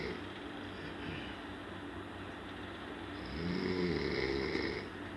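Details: Rattling, rumbling snores in a quiet room, the second louder and coarser; ordinary snoring.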